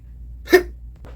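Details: One short, sharp hiccup-like catch in a quiet room, acted, not a real hiccup; simulated hiccup.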